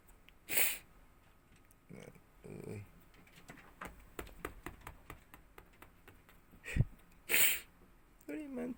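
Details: Pet white mini rabbit (mixed breed) gives two short, sharp hissing bursts with scratching and a man talking between; sneezes, owner mentions allergy.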